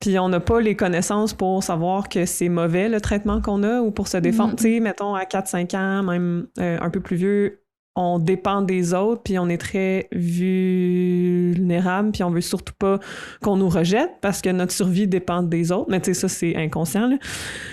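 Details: Adult who stutters, speaking French, real stuttering; reports still experiencing moments of dissociation while stuttering. Finding: stuttering.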